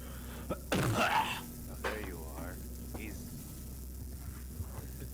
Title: shotgun sneeze